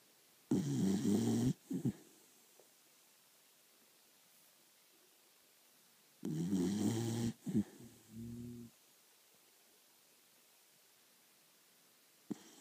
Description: Rita starts snoring before she's even asleep.